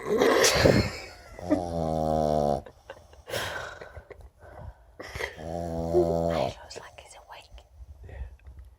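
Loud buzzing, vibrating snores with noisy snorting breaths in between from a small dog; snoring in a flat-faced breed.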